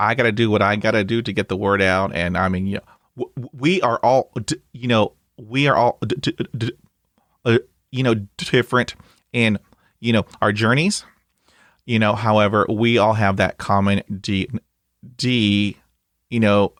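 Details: 20-year-old man who has stuttered since about age two; had speech therapy until age 13, occasional refreshers since, and practices therapy at home: stuttering.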